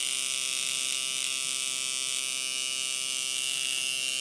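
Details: Microneedling pen on a client's face, depth lowered to 0.25 for forehead, nose and upper lip, then 0.5, with hyaluronic acid; erythema said to be normal: steady high-pitched buzzing whine with fast fine vibration.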